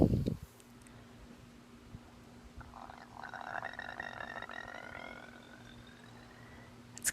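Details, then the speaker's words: Post-op sleeve gastrectomy patient; painful, loud gurgling after eating, felt from mid-chest up to the throat, not a burp, lasting about 30 minutes. A bubbling, croaking gurgle rises and fades over a few seconds. "hey it's b sleeved i know it's dark but i'm just recording so that you guys can hear the sounds that my body makes when i eat i'm and this is how it goes for a good 30 minutes after i eat and it's painful and loud so it's embarrassing as well as loud and painful"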